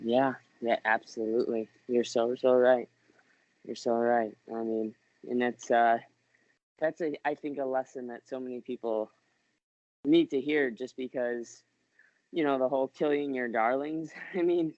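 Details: Adult man speaking; typical speech.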